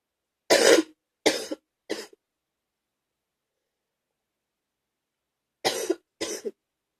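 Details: Loose, wet, gaggy productive coughing in the morning.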